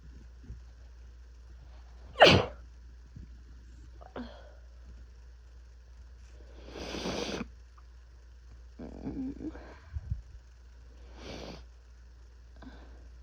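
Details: Sneezing with an intense first cold of the year, with body aches, chills, fever and coughing: a sharp sneeze, then several softer, stifled sneezes and breathy huffs over steady low background hum.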